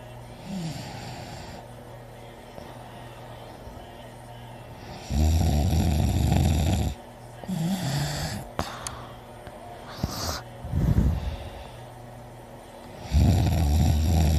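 Loud, rumbling snores on inhalation with heavy breathing between, roughly every four seconds; heavy snoring during sleep.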